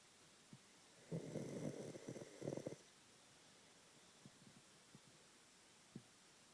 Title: SweetP snores